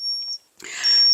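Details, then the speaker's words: Brief high-pitched beeps of a $1.25 Dollar Tree 60-second digital oral thermometer held under the tongue, first use, signalling completion; reading 98.2 °F. "So leaving it under my tongue. Okay, beep, beep."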